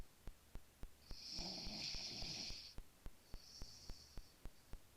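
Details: Sleeping male snoring with rough breaths and a whistling hiss over a steady ticking background, despite claims that he doesn't snore; snoring.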